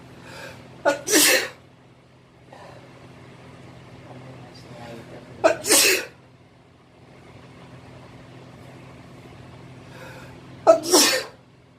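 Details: Three loud sneezes from an adult male in a bathroom, each with a quick in-breath then a sharp explosive burst, about five seconds apart, over low room hum; sneezing.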